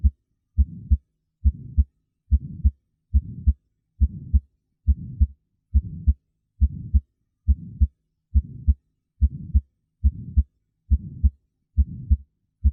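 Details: Regular heartbeat about 69/min with a soft systolic murmur filling the gap between the two heart sounds: innocent/physiologic murmur from turbulent ejection flow toward the semilunar valves, considered normal.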